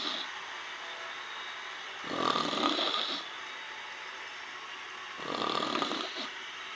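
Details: Woman asleep after several alcoholic drinks while a concert plays on TV: two long, rough, rattling in-breath noises about three seconds apart over room noise, jokingly framed as a contest; snoring.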